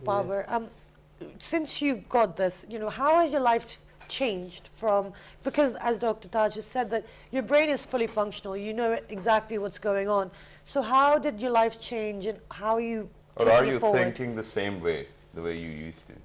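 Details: Adult woman; typical speech.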